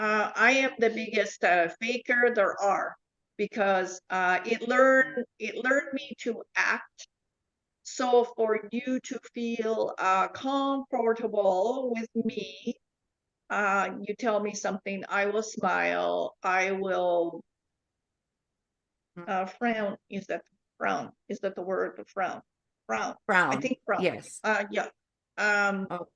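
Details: Adult woman with foreign accent syndrome since 2010.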